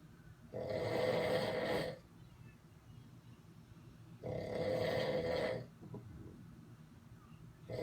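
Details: Heavy snoring during sleep: two long, loud, rattling snores about three seconds apart with quiet breathing between, from a man (dad) asleep in Las Vegas.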